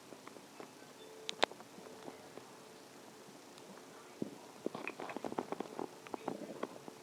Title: stomach growling 3